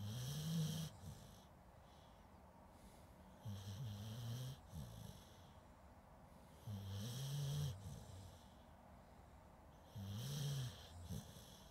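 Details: Snoring during sleep, recorded with a Zoom H2N as a sleep aid: slow, low rumbling snores with a hissing breath each cycle, about 19 a minute, in a quiet room.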